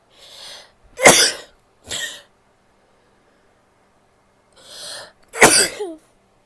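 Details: Female coughing: two sharp, harsh coughs, each followed by a softer second burst, with breathy intakes before them, during a bout of sneezing, coughing and nose blowing.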